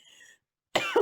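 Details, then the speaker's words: Adult with a hoarse voice: a faint tonal background sound, a brief pause, then a single short, loud cough with a voiced, throat-clearing quality. "attendez je croyais qu voilà pardon j'ai la voix enrouée pardon donc voilà les lions ce que je peux vous dire pour ce mois deux heures avril désolé"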